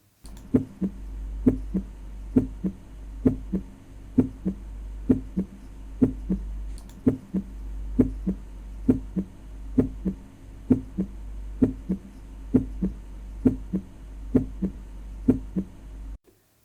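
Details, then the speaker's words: Normal heart sounds on auscultation: regular paired S1 and S2 at about 65 beats a minute with no murmur. The S1–S2 interval (systole) is shorter than the S2–S1 interval (diastole). "this is the waveform of the sounds heard on auscultation of a normal heart the looked up of the first and second heart sounds is apparent"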